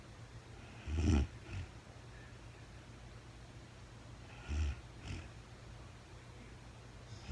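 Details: Real-time recording of a woman sleeping, very tired, no talking: low rumbling snores about every three and a half seconds, each with a softer follow-on sound, in a quiet room; ordinary sleep snoring.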